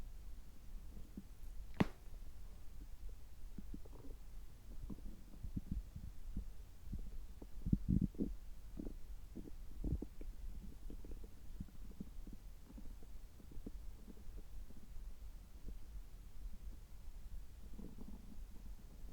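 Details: Abdominal sounds while drinking water just after a health-checkup gastroscopy, which found no problems: low, irregular gurgles and brief rumbling clicks with a couple of louder bursts; ordinary bowel sounds.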